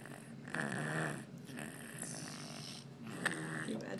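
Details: A baby snoring away during sleep: soft, rough snoring with breath-by-breath rattles; ordinary infant snoring.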